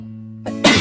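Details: Over a steady musical tone, a brief voiced lead-in breaks into a loud, forceful burst; a single unusual-sounding sneeze from a K-pop idol.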